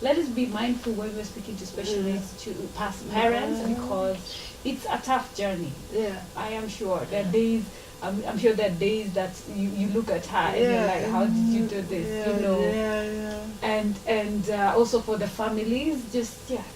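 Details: Adult woman speaking; ordinary speech.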